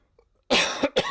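A single short, dry cough in two quick bursts after a moment of near silence.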